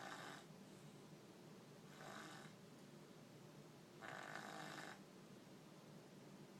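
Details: Quiet, rough, fluttering breath noises every two seconds or so, about 30 breaths a minute; snoring.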